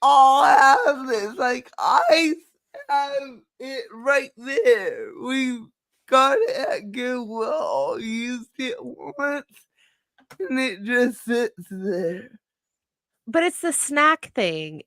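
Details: Adult woman with cerebral palsy, which she says is why she talks this way and that nothing can be done about it; dysarthria (cerebral palsy).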